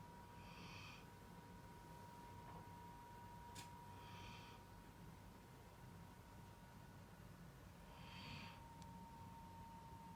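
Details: Dog named Max snoring while asleep after playing for a long time.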